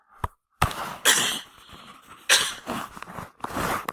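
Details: Adult teacher coughs during a recorded math lecture, then apologizes.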